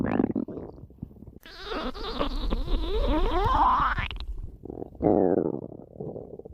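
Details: Stomach growling (borborygmi).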